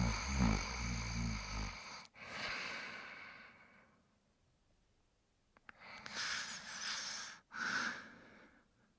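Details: Sleeping dog snoring: rough, rasping breaths in and out separated by quiet pauses over some background sound; ordinary snoring.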